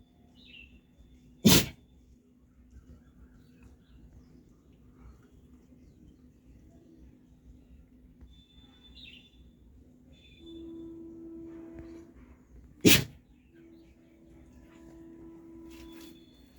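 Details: Dog sneezing: two sharp, explosive sneezes about eleven seconds apart in a quiet room with faint chirps and tones.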